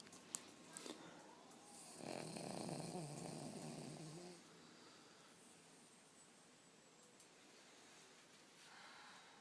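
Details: Sleeping King Charles Spaniel dog: a soft, rough, rattling breath sound heard once over quiet room noise; snoring.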